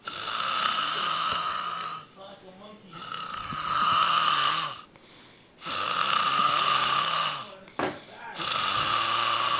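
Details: Heavy snoring while asleep on a couch: loud, long rasping snores of several seconds each with short quiet gaps, about four breaths.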